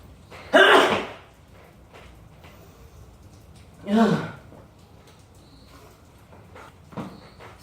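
Two loud acted sneezes, each a sharp burst of air and voice, with a faint third sound later in a quiet room.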